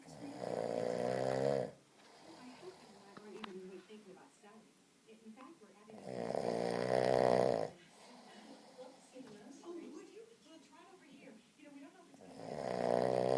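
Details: Loud, rough, rattling snores on the in-breath, about every six seconds, with quiet breathing between them; heavy snoring from a sleeping man, likened to a pig.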